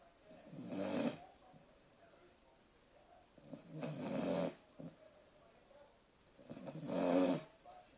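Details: Three rumbling, fluttery snores about every three seconds from a dog asleep in the hallway, tired after a morning walk; he was briefly woken and soon snored again.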